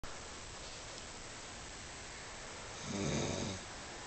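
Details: Person caught snoring while dozing with someone held in their arms: a single low, rattling, fluttering breath against a steady hiss; a snore.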